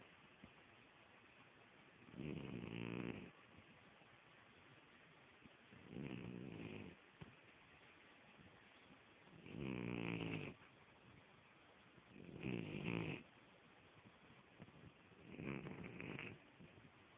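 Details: Five slow, rattling snores about every three to four seconds, roughly 17 breaths a minute; steady snoring in sleep.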